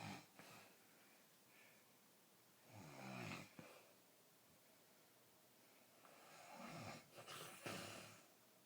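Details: Adult man who denies snoring, recorded asleep: soft noisy breaths with a brief fluttering rattle every few seconds, louder near the end; light snoring.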